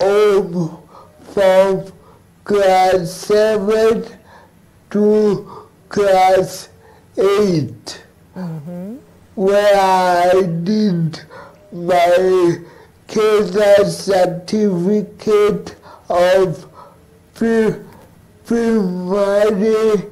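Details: Adult male cerebral palsy advocate living with cerebral palsy, interviewed remotely; dysarthria (cerebral palsy).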